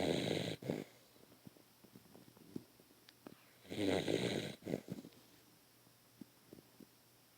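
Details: Beagle sleeping after a long chase after birds, snoring loudly: two loud, rough rattling snores several seconds apart, with soft snuffling breaths between.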